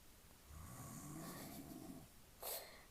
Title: My dad snoring